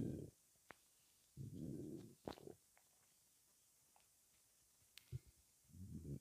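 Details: Stomach rumbling (borborygmi) after 23 hours without food: low gurgling rumbles in several bursts with quiet gaps between them.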